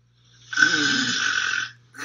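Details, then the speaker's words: Man with obstructive sleep apnea: after a pause in breathing, falling oxygen and rising CO2 wake him, and breathing resumes with a loud, harsh snore. "so this person's blood oxygen decreased significantly. CO2 increased - it finally woke him up, so he started breathing again."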